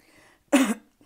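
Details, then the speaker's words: Single brief cough or throat clear from an adult with a hoarse voice, recovering from a heavy cold or rhinopharyngitis, throat still affected. "Alors j'ai la voix un peu enrouée parce que je sors d'un gros rhume ou une rhinopharyngite. Donc c'est encore pris au niveau de la gorge, mais ça ne m'empêche pas d'y voir clair."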